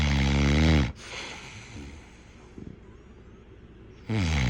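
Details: Heavy snoring, tagged as a snoring health issue and "overweight": loud, deep, rattling snores on breathing in, separated by quieter pauses.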